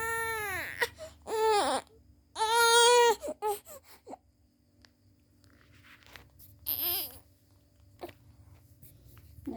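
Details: An infant cries in loud, wailing bursts with whimpers between, then quieter fussing, after being teased until crying and coughing; background music and room noise.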